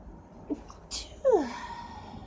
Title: hot uncovered stifle sneezes